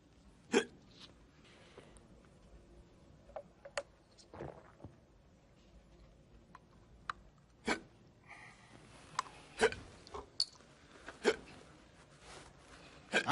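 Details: Staged WWE comedy scene of a man with a bad case of hiccups: repeated sharp, abrupt gulping hiccups at irregular intervals, about ten in thirteen seconds, with faint room noise; hiccups.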